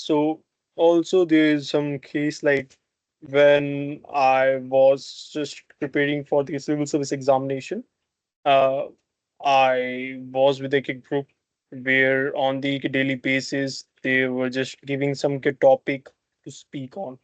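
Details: Adult man who has stammered since childhood: stuttering.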